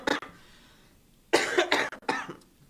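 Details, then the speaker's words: Male singer who says he has laryngitis, before an acoustic live-stream performance: a short cough, a pause, then a run of harsh throat-clearing bursts; cough with throat clearing. "gotta deal with this a case of Brazilian laryngitis."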